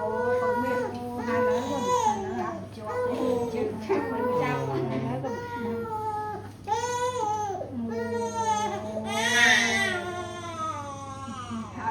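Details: Repeated rising and falling cries from a 3½-month-old baby boy after his routine vaccination, with adults talking softly and comforting him over the crying; infant crying.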